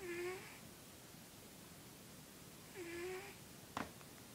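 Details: A cat snoring.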